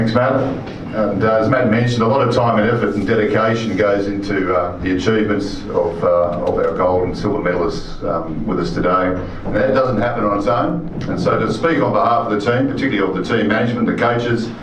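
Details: Adult man speaking; Normal speech.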